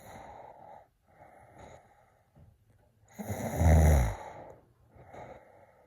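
Soft breathing sounds, then one loud, deep, rumbling snore on a breath in, fitting ordinary snoring.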